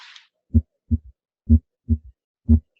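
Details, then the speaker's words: Harvey cardiopulmonary simulator: heartbeat about 62 a minute with a soft, low-frequency extra thud just after the second sound; third heart sound (S3) gallop. "and here hopefully you're all able to hear that low frequency extra heart sound the third hard sound"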